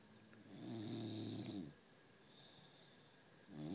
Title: Bulldog snoring